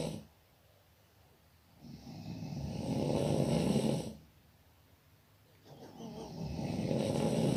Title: Suara Ngorok Lucu (part 1)